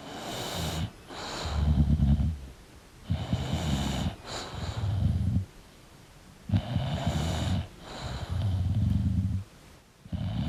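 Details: Sleeping English Bulldog: loud rattling snores on each breath, with snorting inhalations and quieter outbreaths; snoring.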